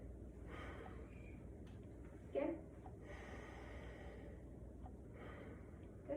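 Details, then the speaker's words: Health assessment: adult male standing, stethoscope on the back during deep breaths; soft, even deep breaths with normal breath sounds, normal symmetry, no added noises. "seems to have normal breath sounds and normal symmetry when he's breathing"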